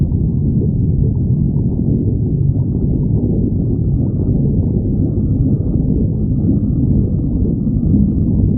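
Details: Stomach growling (borborygmi).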